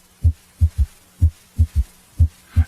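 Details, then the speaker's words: Simulated S3: low-pitched heartbeat at about 60 per minute with a soft extra thud after S2, heard at the apex with the bell placed lightly, patient rolled partly onto his left side; it disappears with firm bell pressure. "now notice how the third heart sound disappears when the bell is placed more firmly on the chest wall"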